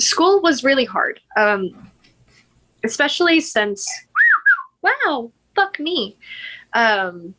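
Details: Woman with Tourette syndrome with vocal tics; swearing and interjection tics interrupt her speech while she tells a story; finding: Tourette syndrome vocal tics.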